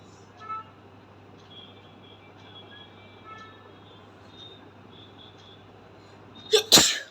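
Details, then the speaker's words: During a sneezing challenge, after a quiet stretch with faint room noise, a brief intake of breath and one sharp, explosive sneeze. "তো চলো এবার আমি স্টার্ট করছি, তো দেখতে থাকো আজকে কতগুলো হাঁচিও হয়, তো সেটাই তোমরা দেখতে থাকো।"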